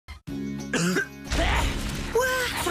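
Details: Cough heard in a flu-and-cough medicine advertisement, likely acted.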